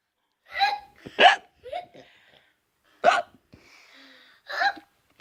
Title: Hiccups are contagious